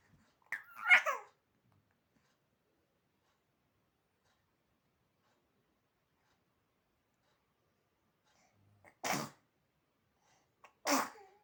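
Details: Three brief sneezes, one early and two close together near the end, separated by silence, from a home video of babies reacting to sneezes.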